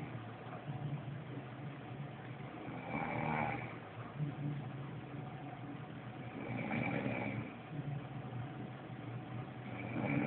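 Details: Slow, rumbling snores roughly every four seconds, about 15 breaths a minute, over background noise; steady snoring.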